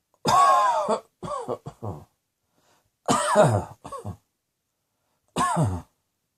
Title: Cross Dressing Coughing 27